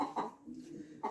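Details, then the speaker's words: Cough in a young Indian (turkey) chick: short, sharp sneeze-like bursts with soft peeping between; owner noticed coughing, antibiotics did not help, now trying mouth-sore spray; poultry cold/respiratory infection. "şöyle bir Hint yavrum var şöyle göstereyim biraz öksürüğünü fark ettim"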